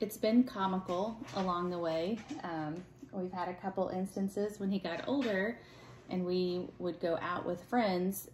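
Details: Adult woman speaking; typical speech.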